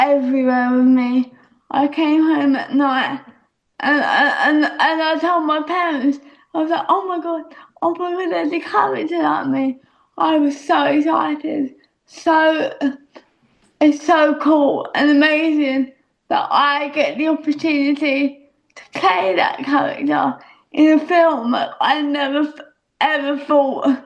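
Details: Young woman speaking; dysarthria (cerebral palsy).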